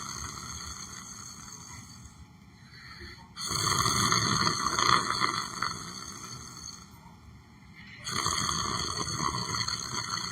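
Long rasping snores on slow breaths, about every four to five seconds, over a steady background hum.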